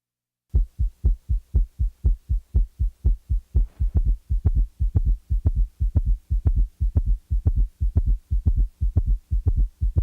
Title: 15. Summation Gallop - Heart Sounds Collection